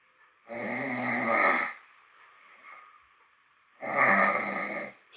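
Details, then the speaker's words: Person recorded snoring during sleep around 2:47–2:48 a.m., who says they snore loudly and moan in their sleep; two loud, harsh, rattling inspiratory snores a few seconds apart with quiet breathing between: heavy snoring. "Je faisais du bruit pareil. What ? Et je ronflais fort hein."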